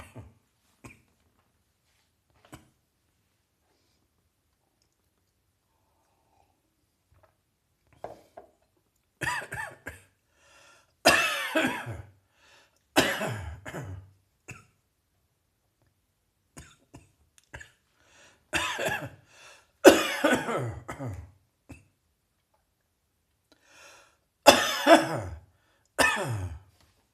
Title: Dry Autumnal Morning Cough.